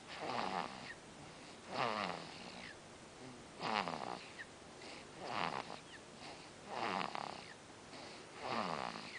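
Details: Small animal snoring: rhythmic nasal snores with a whistling edge, about 37 a minute.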